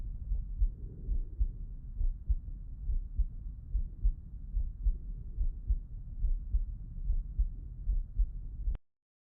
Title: Heart Auscultation Lying on the Left Side ❤️🩺